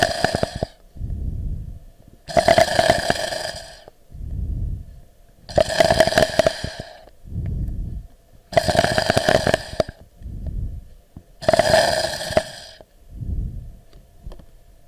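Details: Lung crackles: breathing about 20 a minute with bursts of brief crackling pops on each breath, discontinuous lung auscultation sound, contrasted with wheeze.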